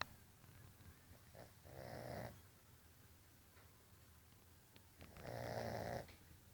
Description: My puppy Jazz snoring